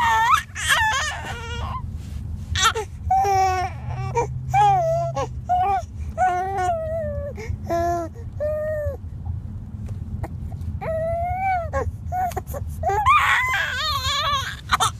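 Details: Baby boy crying in repeated wailing bursts and whimpers over steady room noise.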